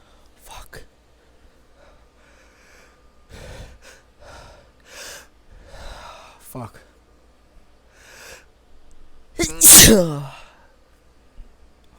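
Soft breathy sounds and gasps build to one loud, explosive sneeze near the end.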